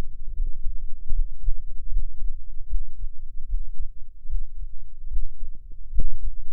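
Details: Own normal heart sounds recorded through an experimental microphone enclosure; dominant frequency about 10 Hz, heard only as low thumping in good headphones; recording includes a breath-hold.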